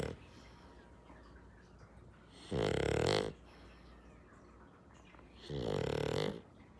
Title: Pug snoring #dog #entertainment